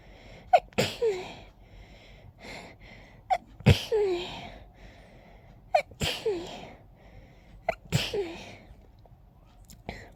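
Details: Itchy nose all day, attributed to pollen, in a rapid sneezing fit: about five sharp, forceful sneezes, each preceded by a quick indrawn breath, in a quiet room; sneezing.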